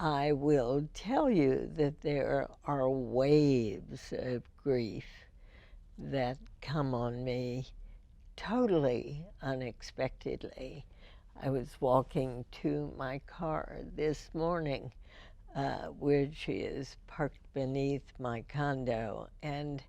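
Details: Adult female radio host first diagnosed with spasmodic dysphonia in 1998, treated every four months with botulinum toxin injections into the vocal cords; spasmodic dysphonia.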